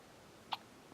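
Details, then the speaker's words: Three-day-old newborn baby, awake, snorting: one short sharp hiccup in a quiet room; hiccups. "hey still got the hiccups still got the hiccups and a snort and another snort"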